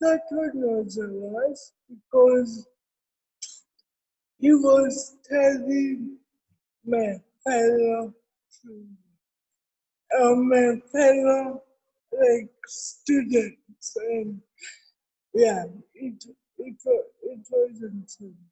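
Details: Adult woman with cerebral palsy present since birth, speaking in an interview; dysarthria associated with cerebral palsy.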